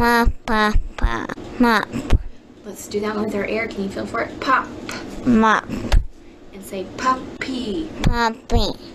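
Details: Child with a cleft-related speech disorder: 'pop' produced as 'mop' despite cueing, B produced as M, 'puppy' closer to P, and a strong B at the end after probing; the pattern can be confused with velopharyngeal insufficiency; nasal substitutions for pressure consonants.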